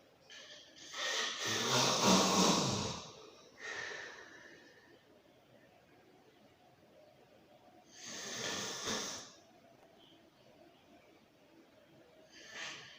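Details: Loud, rough, rattling snores on inhalation with quiet pauses between breaths; snoring during sleep.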